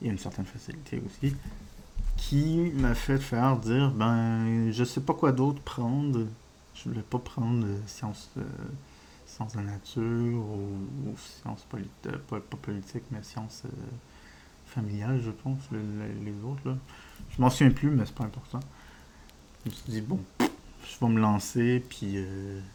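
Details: Adult male with diagnosed ADHD, disfluency he says resembles stuttering but is not stuttering, linked to wanting to speak faster than he can express himself: stuttering-like speech disfluency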